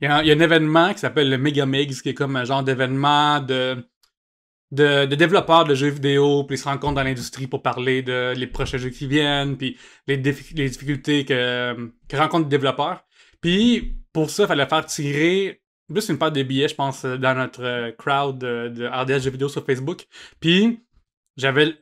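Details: Adult male comedian and podcast host with cluttering (speech too fast or irregular, reduced intelligibility); only realized in adulthood that speech therapy could help, previously unaware the condition had a name; finding: cluttering.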